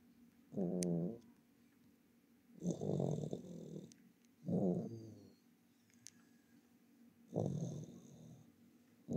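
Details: Four low rumbling, fluttering breaths roughly two seconds apart, each a rattly snore on the breath in, with quiet pauses between; snoring.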